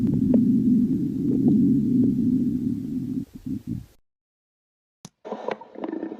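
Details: Stomach growling: a long low rumbling growl ending in a few short gurgles, then quiet and a brief softer gurgle.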